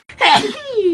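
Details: Single forceful sneeze burst trailing into a falling, drawn-out voiced exhale, from a compilation of K-pop idols sneezing.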